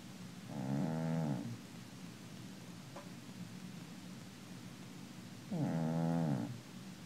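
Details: Two low, vibrating snores from a sleeping cat, several seconds apart, over soft room noise; snoring.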